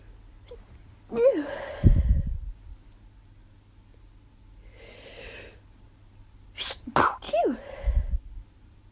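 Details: Several sharp sneezes, one near 1 s and a quick pair near 7 s, in a tired, miserable person who first thought it was allergies but woke with a sore throat and headache.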